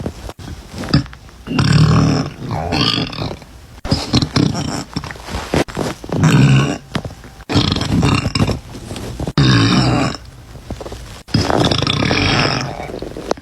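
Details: A series of loud, deep, drawn-out burps from a girl separated by brief pauses: repeated belching.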